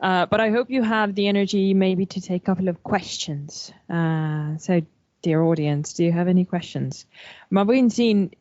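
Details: Adult woman speaking; Normal speaking voice.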